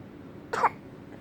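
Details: A single short, soft cough from a 1-year-old toddler, given on request in a quiet indoor room.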